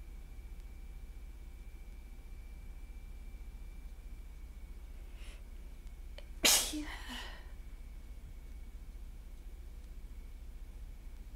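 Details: Sneeze during a person's allergy-attack sneezing fit that grows more forceful and congested: a faint breath catch, then one sharp, loud sneeze with a short trailing exhale in a quiet room.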